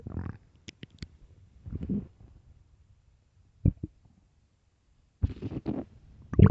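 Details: Deep rumbling gurgles in bursts with short pops between; loud empty-stomach hunger growling (borborygmi).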